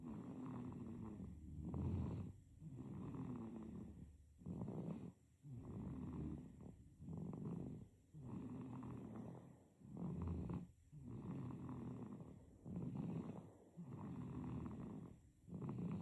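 Soft, rhythmic snuffly snoring on both breathing in and out, roughly 20 breaths a minute, in a sleeping baby.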